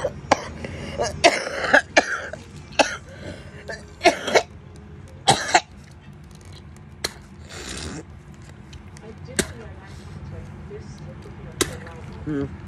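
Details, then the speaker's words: Person who says they are sick: repeated harsh cough bursts and throat clearing, about eight to ten coughs, between quiet room noise. "I'm a little trash can y'all cuz I'm sorry y'all"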